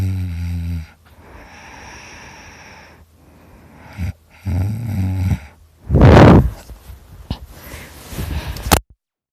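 Loud, deep, rumbling snores alternating with noisy breaths and a harsh snort; heavy snoring during sleep.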